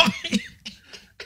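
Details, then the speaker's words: Several short, sharp reflex coughs in a quick burst from a man choking while eating a toasted coconut breakfast biscuit; food went down the wrong pipe, and he says he has no actual cough. "Something just went down the wrong pipe. I don't really have a cough. It was the coconut, Daddy. It's down the wrong pipe, Daddy."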